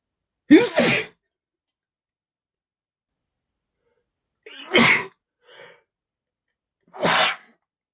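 Three forceful sneezes, spaced a few seconds apart, each with a sharp explosive burst of air.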